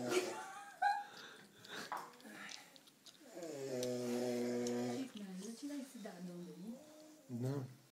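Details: Snoring during sleep: muffled talking, then drawn-out droning and whining snore sounds that rise and fall in pitch.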